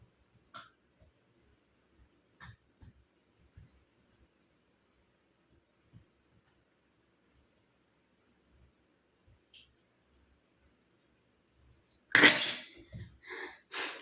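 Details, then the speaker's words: Woman's sneezing challenge, sneezes induced by tickling the nose: faint sniffs and rustling, then a sudden sharp sneeze burst followed by a couple of smaller breathy sounds. "एक अपने आप आती है, और ज़बरदस्ती लो तो बहुत अलग बात पड़ती है।"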